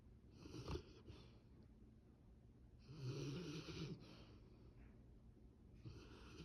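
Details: Labrador puppy in deep sleep: soft rasping breaths with two clear snores a few seconds apart in a quiet room.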